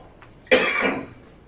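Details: Cough from an adult man testifying on the witness stand in court: one harsh, throaty cough burst with a short fading tail.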